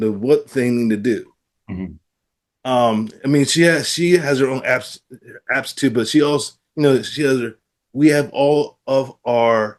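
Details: Adult man with aphasia after a stroke, practicing with app-based speech therapy; aphasia.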